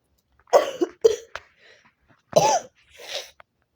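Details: Short run of harsh coughs with a throat-clearing quality, then softer coughs, from a girl who is sick, has allergies and is sniffling while playing a video game.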